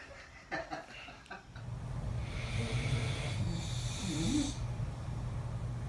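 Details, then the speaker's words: Loud, low rumbling snore on one breath from one of two people snoring in a Las Vegas room; snoring. "so these mods snored like a band got two trumpet players in here battle of the snores"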